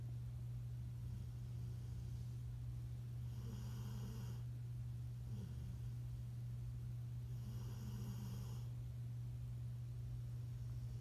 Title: Snoring 😴 on my sleep!